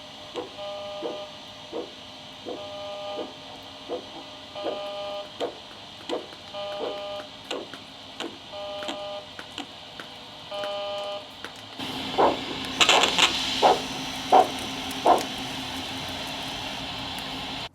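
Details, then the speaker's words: Doppler arterial pulse below a pressure-controlled automatic tourniquet (AutoTQ) on a limb: regular pulse about 83/min, cuff pump noise during inflation, a few faint beats, then silence as the pulse stops during tourniquet occlusion. "But after just a few moments of inflation, the Doppler slows and stops altogether, meaning that AutoTQ has stopped the bleeding."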